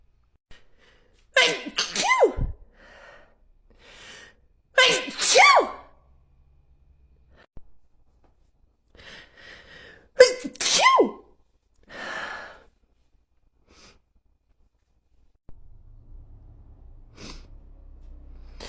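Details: A woman with allergies, out of allergy medicine, has a sneezing attack: three loud sneezes, each preceded by a sharp inward breath, separated by quieter breathing.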